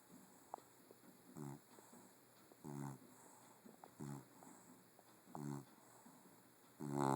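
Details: Female Puggle snoring: regular snorting snores, about one every 1.3 seconds (around 45 per minute), with a steady electrical hum in the background.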